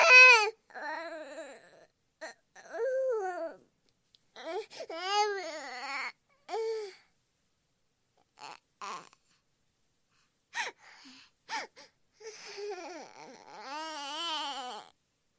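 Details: Baby crying: short, high-pitched wails and whimpers separated by pauses, with one louder scream, over background music.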